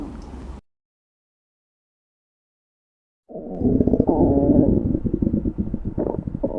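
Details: Long, low rumbling gurgle with a bubbly, squeaky tone after a short silence; ordinary stomach growling.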